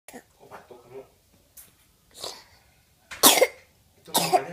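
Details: Cough.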